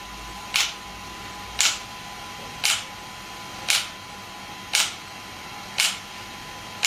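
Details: Shockwave therapy device (SW5S), used for erectile dysfunction and plantar fasciitis, applied with gel while the patient's feet rest on a support: sharp, regular snapping pulses about 57 a minute over a faint hum.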